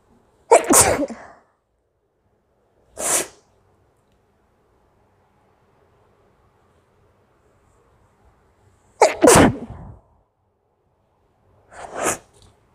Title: Nose blowing challenge||🤧🤧 nose blowing with real sound|| #noseblowingchallenge #sneezingchallenge 😱